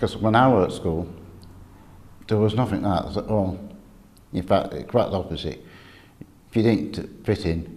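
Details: Adult with stuttering (stammering), describing school experience.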